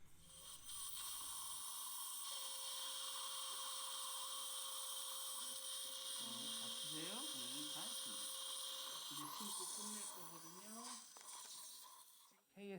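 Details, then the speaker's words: Final osteotomy drilling with 5.0 × 8.25 guide drill at missing lower molar #47 in 59-year-old osteoporotic woman, pumping action with saline irrigation to prevent heat; steady high motor whine, irrigation hiss, pitch changes. "5.0 by 8.25 one guide drill is used to do final drilling"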